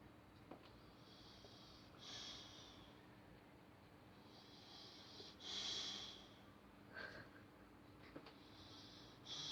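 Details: Soft, hissy, snorting breaths about every three seconds through nose and mouth, from a sleeper with his tongue out; light snoring.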